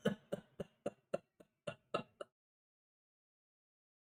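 A rapid run of about eight short, quiet coughs with no breaths between, then a pause; paroxysmal cough of pertussis.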